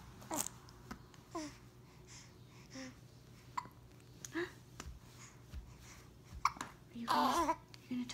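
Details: 6-week-old baby boy with hiccups: short, abrupt voiced catches about every second in a quiet room, faint background voices. Infant hiccups.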